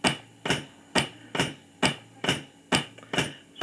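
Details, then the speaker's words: A vintage Brunswick HLR (Heart Lung Resuscitator) mechanical thumper gives regular thumps on an early Laerdal Anatomic Anne manikin at about 65 to 70 compressions a minute, slower than today's 100 a minute; simulated mechanical CPR. "it's a handy dandy thumper still works well certainly does not do compression as fast as we require them nowadays it runs at about 65 to 70 a minute we're looking at about a hundred a minute now"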